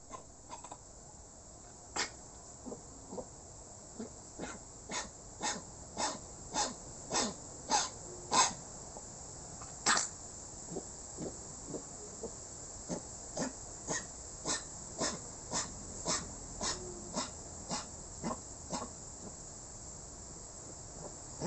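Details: A rescued dog coughing in a long run of short, harsh, dry bursts: kennel cough (infectious tracheobronchitis).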